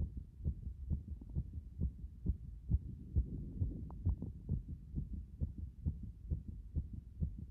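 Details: Heartbeat after a hot bath: fast, strong, regular pounding at about 130 thumps a minute, a forceful heartbeat.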